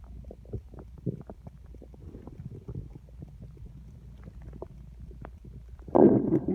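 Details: Loud stomach growling from an empty stomach, felt rumbling against the hand: low gurgling and bubbling with scattered pops and a louder rumbling surge at the end (borborygmi).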